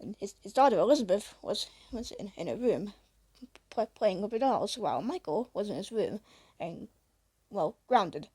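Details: Female speaker who says she stutters a bit, reading her own story aloud; stuttering.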